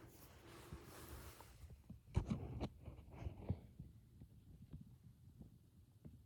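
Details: Nursing head-to-toe assessment: stethoscope rubbing, then soft regular low lub-dub thumps at the tricuspid area; normal first and second heart sounds.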